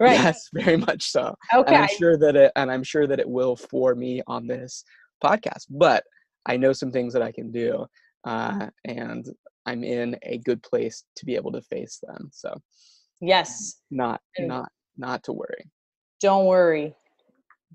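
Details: Adult man who stutters, with words and syllables getting stuck and not coming out at the right time; stuttering.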